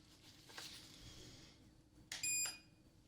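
Soft rustling, then a brief pure high beep, a hearing-test tone played in a relaxation roleplay.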